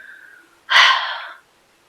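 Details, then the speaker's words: A woman with hiccups makes a single abrupt, breathy hiccup in a quiet room. "so here I am I have errands I have to run up I need to do and I get hiccups really annoying"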